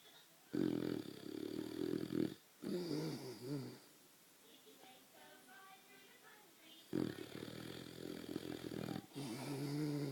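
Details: A young boxer dog fast asleep in bed: loud rattling snores in long breaths, broken by quieter whistly breathing: snoring.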